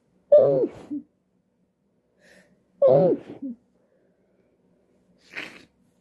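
Two sharp voiced sneezes a couple of seconds apart, each ending in a short catch, then a fainter breathy burst; repeated sneezing.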